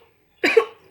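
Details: Simulated cough-etiquette demonstration by a student: a single short, dry, deliberate cough muffled into the sleeve, showing effective coughing without spreading to people nearby.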